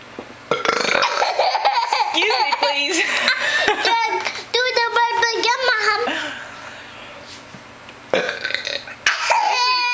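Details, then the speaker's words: Burping and growling contest among family members: several loud, drawn-out voluntary burps mixed with laughter and children's voices, a child saying "excuse me". Burping. "what was that Mom it was a little burp I'm sorry excuse me Mom excuse me please"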